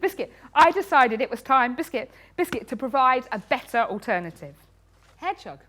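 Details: Woman with Tourette syndrome, a neurological condition causing involuntary movements and noises; frequent vocal tics include "biscuit" (up to 16,000 times a day), "hedgehog" and "cat". Finding: vocal tics (Tourette syndrome).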